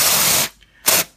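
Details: Two hissing bursts of spray with a short pause between; liquid nitrogen cryotherapy freezing warts that did not clear with earlier treatment; the patient flinched in pain.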